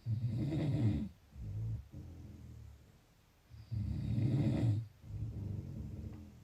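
Deep, rumbling snores on each breath in with a softer breath out, about two cycles in six seconds. Snoring.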